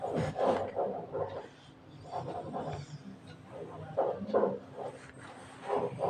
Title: Snoring Kid (1)